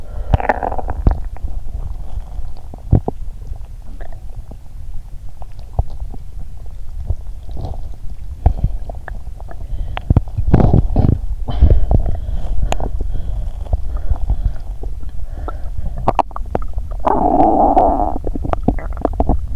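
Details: Bowel sounds recorded by stethoscope while lying down, after drinking cola and swallowing Mentos; the stomach feels at its limit.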